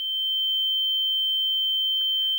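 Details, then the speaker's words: Simulated tinnitus, a symptom associated with visual snow syndrome: a steady, pure high-pitched tone imitating ringing in the ears. "Uh tinitus is like a ringing in the ears. It sort of sounds like"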